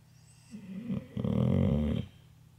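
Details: Curled up in her bed watching TV, she falls asleep in the flicker of the TV lights and snores: one rough, rumbling snore on a breath, with a softer rasping lead-in.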